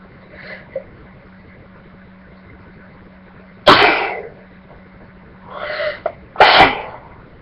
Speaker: guys, I'm gonna sneeze, like usual.